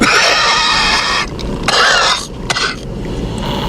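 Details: A few harsh cough bursts from an elderly US President at a microphone during a speech over room noise; acid reflux is the official explanation, disputed by the uploader: cough.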